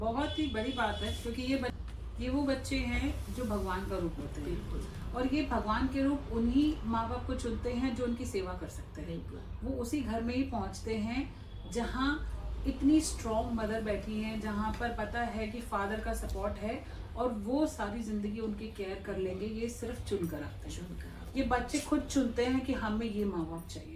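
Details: Adult woman speaking Hindi; plain speech.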